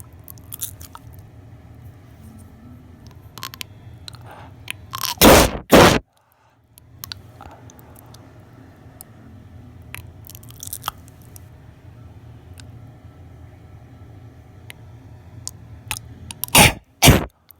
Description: This is me coughing up a tonsil stone, trying to get rid of them forever.